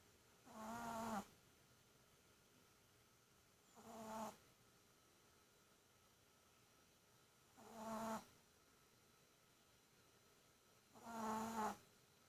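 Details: Small dog (chi) snoring: rhythmic, buzzy snores on each breath, about 17 breaths a minute, with quiet pauses between; snoring.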